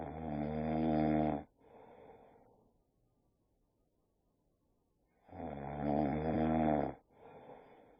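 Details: Boxer dog, tired after a long walk, snores with his eyes open. Snoring.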